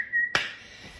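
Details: Brief high whistle cut off by a sharp click in a quiet room: a whistling vocal tic from a person with Tourette syndrome, a chronic whistler, having many tics after suppressing them.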